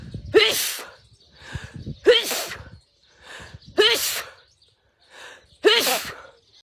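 Four sneezes in a row, each with a sharp indrawn breath before a forceful burst, repeating about every two seconds.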